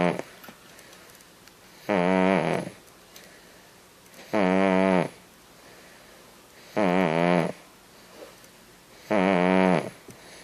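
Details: Five-month-old infant snoring: loud, regular snoring with a buzzing noise on each breath, about 25 breaths a minute.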